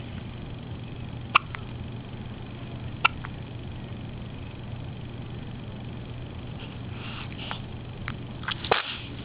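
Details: A newborn girl's first hiccups.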